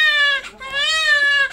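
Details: Two loud, high-pitched wailing cries separated by a short breath from a newborn girl on her first day home from hospital, crying for milk; a strong, clear newborn cry.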